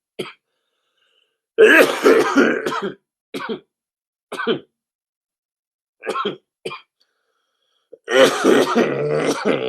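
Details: Adult who mentions running out of cigarettes: short throat-clearing bursts between two harsh, rattling coughing fits of several coughs each, from a coughing compilation.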